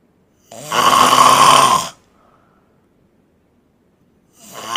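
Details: Man snoring while asleep, filmed at an event (PAL Academy Essilor); a loud, long, rattling snore on the in-breath, then a quiet pause before the next, heavy snoring louder than a phone alarm.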